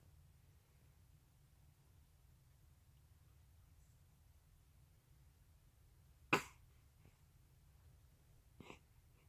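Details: A quiet room, then one sharp sneeze and a smaller second sneeze a couple of seconds later; sneezing.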